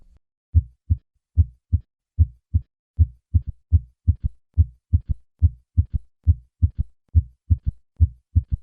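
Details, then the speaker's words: Simulated heart at about 72/min: three normal beats, then a soft, low-pitched early-diastolic sound just after S2, forming a gallop. It is heard with the bell held lightly at the cardiac apex and may be a physiologic variant: third heart sound (S3). "the third heart sound is felt to originate in the ventricular wall it can be increased in loudness by having the patient perform mild exercise such as a few sit-ups"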